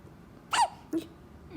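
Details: Hiccups: two quick, squeaky hiccup sounds about half a second apart over faint room noise.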